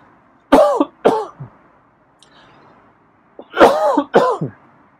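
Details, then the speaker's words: Adult's cough while petting a feral cat, startling it: two bouts of harsh, voiced coughing, about six coughs in all, with a short quiet gap between them. "sorry okay yeah i had a cough yeah scrub is not used to me coughing or sneezing"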